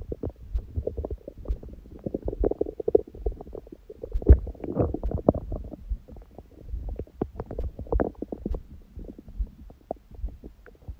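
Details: Own belly after eating and after abdominal exercise; the first meal was a large one at 16:00 after water-only fasting since 19:00 the previous day, on a raw-food diet. Frequent gurgles, rumbles and squelches with louder bursts: active bowel sounds.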